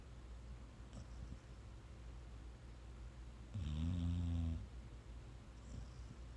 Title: Sweet Shine Has the Sweetest Snores